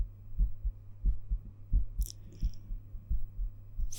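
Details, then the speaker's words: Soft paired thumps, roughly 88 a minute, against a low hum and a few rustles; an adult's own heart heard through a stethoscope whose earpieces feed a binaural 3Dio microphone; normal heart sounds. "heartbeat sounds through a stethoscope the earpieces of the stethoscope are connected to the ears of this 3DO so you will be listening to my heart the way a doctor would"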